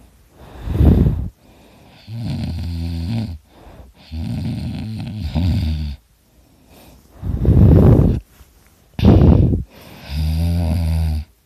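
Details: An adult's own loud, chainsaw-like snoring recorded during sleep; snoring.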